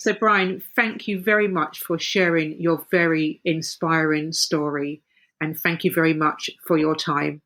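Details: Adult woman speaking; ordinary fluent speech.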